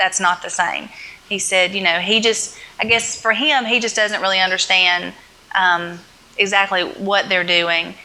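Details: Adult woman speaking; ordinary speech.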